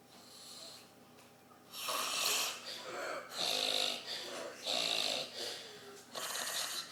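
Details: Man passed out after a night of drinking, snoring heavily with loud, harsh, whistling breaths in steady cycles.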